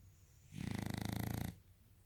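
A single rough, fluttering breath about one second long, with rapid soft-tissue vibration: a dog's snore.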